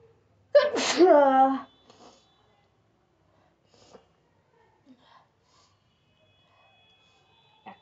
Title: Nose Sneezing Challenge🤧// Tranding Video//